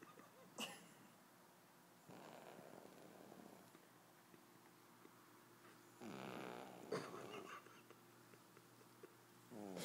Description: This is out Pug puppy having a sleep after a big day.